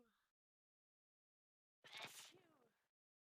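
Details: A brief breath, a pause, then one loud explosive sneeze with a trailing voiced release, from a compilation of 25 different sneeze types in 54 seconds; sneezing.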